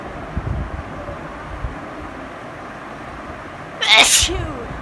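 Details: Steady background noise, then a single loud, sharp sneeze used as a phone ringtone in a comedy sketch: sneezing.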